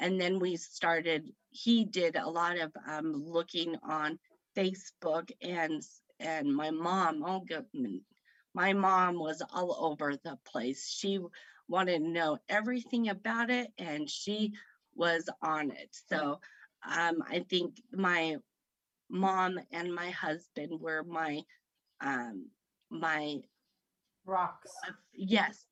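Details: Woman who had a stroke at age 38 in September 2018 affecting her right side, about 3 years post-stroke; aphasia after stroke.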